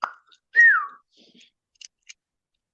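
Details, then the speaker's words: Whistling vocal tic in a 22-year-old woman with Tourette's and dissociative seizures: a single abrupt, falling whistle interrupts quiet, followed by faint clicks and the start of speech. "I've heard about a million times before I'm just whistling like I don't I don't need it"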